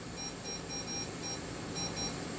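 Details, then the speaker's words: Short high beeps from a speaker on a homemade DIY electrocardiograph worn by the maker, one per heartbeat. The beeps are irregular because his body movements also trigger them. "Ensuite, j'ai un haut-parleur qui fait un bruit à chaque fois que mon coeur bat."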